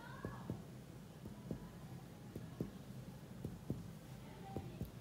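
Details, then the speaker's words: Normal abdominal percussion note in a child during a paediatric physical examination: soft, hollow taps in a loose rhythm. Bowel sounds were normal and there was no swelling or lump. "Baik, dari hasil ketukannya juga masih normal ya suaranya."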